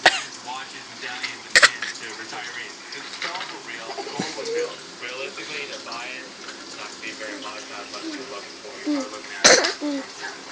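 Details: Young child gives two short, sharp pretend coughs, with adult talk and room noise in between; a voluntary fake cough.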